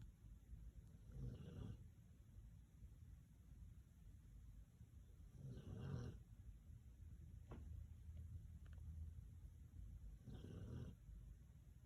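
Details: Soft, low snores from a sleeping nine-year-old dog, about every 4.5 seconds, roughly 13 breaths a minute, over steady background hum.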